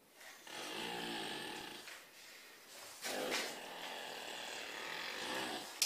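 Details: Snoring from a deer tranquilized by dart and a second hand-given dose after it jumped through a house window and badly injured its right rear leg: harsh, raspy breaths rising and falling with a rough fluttering edge.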